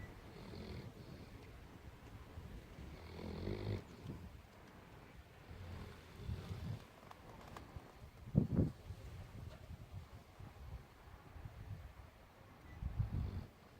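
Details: Snoring from a sleeping Newfoundland puppy, said to be dreaming: soft, low rumbling breaths with a few louder snorts, roughly 13 a minute.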